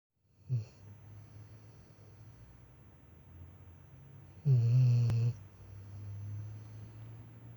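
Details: Female dog Lessie sleeping: a short snort, then a deep rattling snore a few seconds later with soft breathing between, in a quiet room; snoring.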